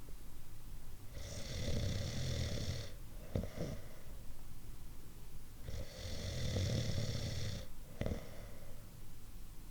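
Two long, rattling snores on the breath in, each followed by a short breath out, over steady background hiss. Snoring.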